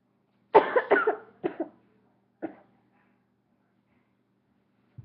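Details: A burst of about five short, harsh coughs in quick succession, then a single weaker cough, in a quiet room; cough.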